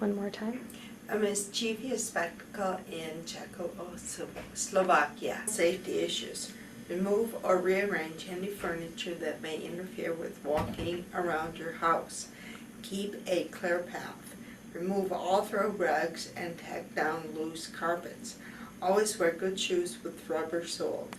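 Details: Woman in her 60s with late-onset Friedreich's ataxia, reading a passage, with dysarthric speech, rebound, dysmetria, intention tremor, titubation and wide-based gait; sister also has ataxia; ataxic dysarthria.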